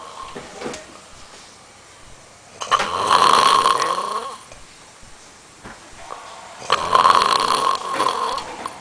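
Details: Loud snoring: two rough, rattling snores about four seconds apart, with quiet breathing between them.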